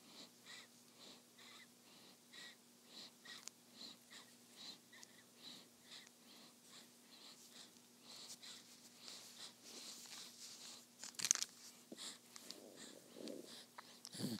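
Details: Newborn daughter sleeping after feeding: soft, regular breaths with slight airy whistling, about 50 a minute, with a steady low hum in the room; normal infant breathing during sleep.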